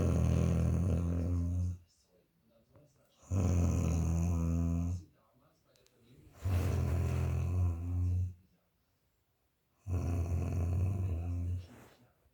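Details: Adult woman snoring very loudly while sleeping: loud, low, rattling snores on each breath in, about four in twelve seconds, with silent pauses between them; heavy snoring.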